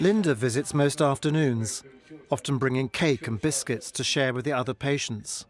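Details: Adult male narrator; normal speech.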